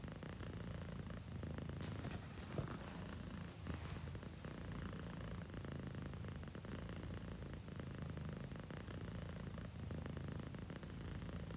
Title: capturing the sound of cats snoring during sleep 😺😂🐈🐈💤